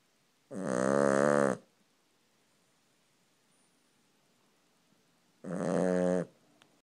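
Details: Cavalier King Charles Spaniel asleep on the owner's leg, with two loud rumbling snores about five seconds apart and quiet between them; snoring.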